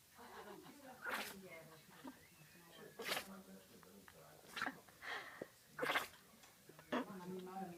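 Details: Griffon puppy sneezing: a run of small, sharp nasal bursts with a little snuffling between them.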